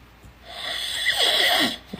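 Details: Adult asleep, snoring with open mouth: one long, rough, rattling breath over a second, swelling then fading; open-mouth snoring.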